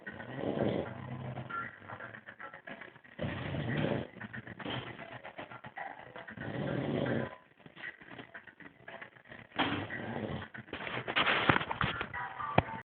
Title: Old man snoring